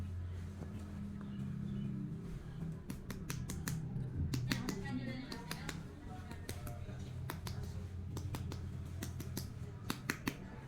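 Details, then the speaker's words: During a head-to-toe exam, a series of short, sharp finger taps on the abdomen give the hollow tympanic note expected over gas-filled bowel; tympanic abdominal percussion. "untuk ini perpusing ini biasanya kalau di area perut itu adalah bupani"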